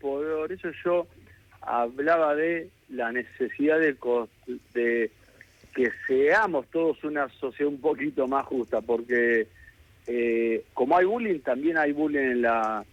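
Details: Adult man who has stuttered since childhood and still lives with it, speaking Spanish in a real live radio interview; stuttering.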